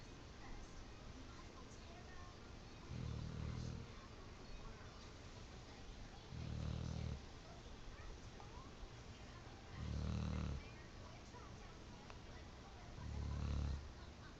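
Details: Pit bull napping: four low, soft, rumbling snores at a steady pace of about 17 breaths a minute over a hissy background; gentle snoring.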